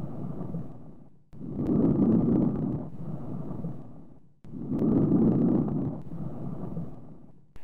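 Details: Teaching recording of soft, low-pitched rustling breaths at about 19 a minute over healthy lung: normal vesicular breath sounds.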